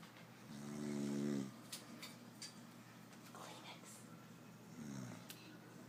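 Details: Snoring.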